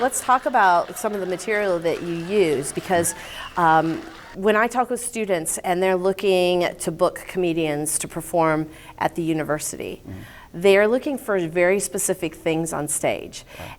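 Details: Adult woman speaking; ordinary speech.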